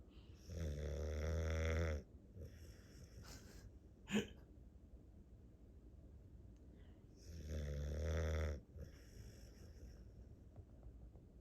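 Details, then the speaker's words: A tired dog worn out after a busy day gives two long, deep, rumbling, chainsaw-like snores about six seconds apart, with quiet breathing between; loud snoring. "He's sawing logs."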